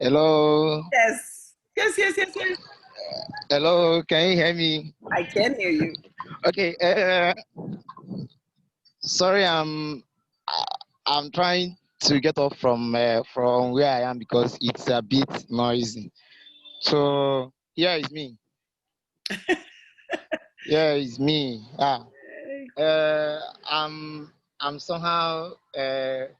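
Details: Stuttering in a male graduate who describes himself as a stammerer.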